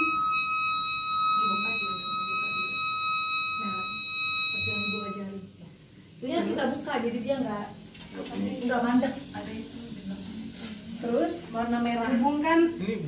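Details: CPAP device alarm while treating an asphyxiated infant: steady high-pitched electronic tone for about five seconds, then voices in the room; the alarm sounds because the oxygen outlet is still closed.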